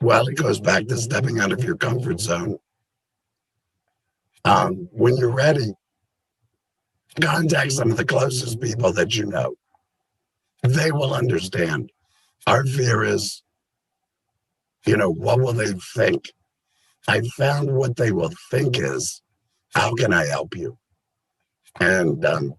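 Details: Adult laryngectomee after total laryngectomy, a cancer-related operation; the voice method is not stated; alaryngeal speech.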